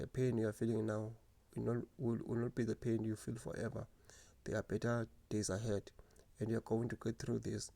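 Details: Adult woman who stutters; stuttering.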